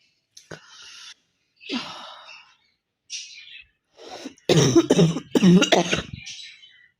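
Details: Several coughs, a few light and throaty, then a run of harsh, forceful coughs, from someone with a cold and chest congestion, lying down, recorded for a cough challenge.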